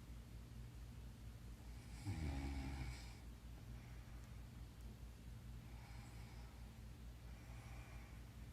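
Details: Aunt snoring in her sleep: soft, low rumbling breathing with a louder snore at about two seconds and fainter snores later, under steady room hum.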